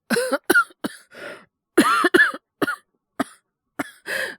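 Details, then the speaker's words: Voice actor performing a boyfriend with a cold and high fever, all acted: bout of about ten short harsh coughs in quick clusters with brief gaps; simulated persistent cough. "ごめん。収まんなかった。うん。ちょっとこんな調子だからさ、昨日の夜母さんに電話しておいて、今日の件はキャンセルだってことにしといた。"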